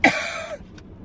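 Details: Deliberately faked cough performed as a prank during a mukbang eating video; a single harsh, forceful cough burst with a brief trailing rasp, acted rather than a real illness.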